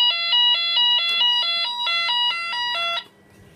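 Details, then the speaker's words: Loud, urgent, repeating multi-tone beeping with a flashing red triangle: HeartWare LVAD controller critical alarm for a disconnected driveline, demonstrated in an inservice; cannot be silenced. "see it's very loud flashing red triangle it says and that drive one put the driveline back here"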